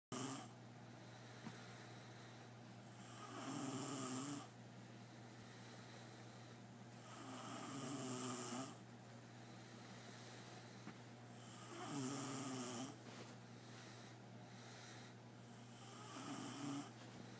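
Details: Four loud rattling snores about 4 seconds apart, roughly 14 a minute, over a steady low room hum: snoring.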